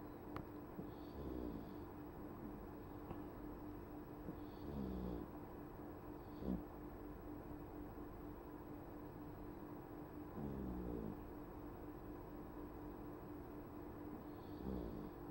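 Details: Cat sound asleep: soft, low, rhythmic snoring, about one snore every three seconds, against a steady background hum; normal sleep snoring.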